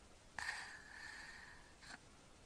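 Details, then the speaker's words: Sleeping child with obstructive sleep apnea, tongue falling back, repeated breath-holding episodes: after quiet, a sudden snorting, whistling gasp as breathing restarts after an apnea. "he's still holding his breath and that's going to gulp again there he goes that was it again and again"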